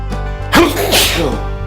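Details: A single loud, explosive sneeze outdoors at a park on a fall day, over background music.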